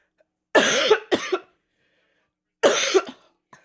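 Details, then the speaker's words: About four harsh, throaty coughs in two pairs from an adult still sick with a cold, voice nearly gone after a coughing fit that day, still coughing. "So, I'm not gonna be I'm not gonna play Pokemon this week because my voice is shot and I'm still coughing and I want to do the funny haha while I can talk."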